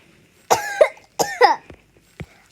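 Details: Two short, sharp cough bursts from a child, each with a quick double push, then faint clicks, recorded while playing a game with their dad; an ordinary brief cough.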